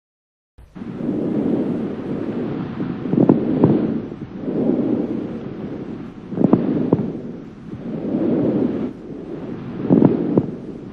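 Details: Coarse crackles.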